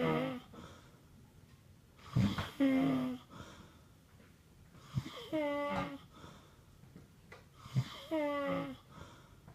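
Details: Three loud, pitched, buzzing snores about three seconds apart with quiet pauses between; tonal snoring during sleep.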